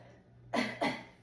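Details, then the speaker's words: Adult patient demonstrating a nurse-taught deep-breath-and-cough exercise while turned on the side, advised every two hours for bed-bound patients to loosen lung mucus: two strong voluntary coughs. "so if um every two hours you turn to your right or left side and you'll take a deep breath in and you'll cough and it just help to loosen up the mucus in your lungs area"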